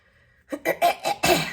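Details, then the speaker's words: Woman with a croaky voice ("frog in my throat") clears her throat in a quick run of about five harsh, guttural bursts after a brief pause; throat clearing. "I'm getting more comfortable clearing my throat and stuff on screen because before I didn't like to do that. I just find it to be rude."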